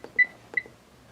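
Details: Two short, high electronic beeps as keys are pressed while programming an Alaris MedSystem III infusion pump; normal keypad feedback tones.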